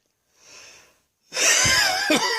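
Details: A soft breath in, then a loud, high-pitched, musical whistle on a forced breath during an afternoon episode of wheezing and coughing: wheezing.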